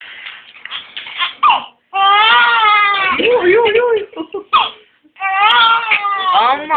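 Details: Young child crying in loud, wailing bursts with brief pauses for breath, in a small room.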